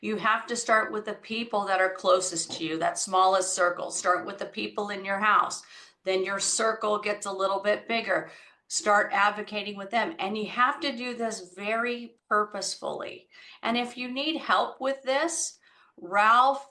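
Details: Adult woman speaking; ordinary speech.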